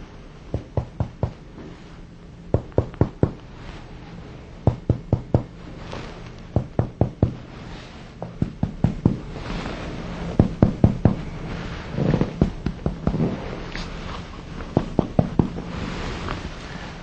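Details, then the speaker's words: Chest percussion demonstration on a standardized patient's posterior chest during lung examination training: middle finger on skin struck quickly two or three times, top to bottom comparing side to side, in a quiet room; sharp taps. "the act of percussion you place your index or middle finger uh on the patient's post to your chest and with your other index or middle finger strike quickly two or three times"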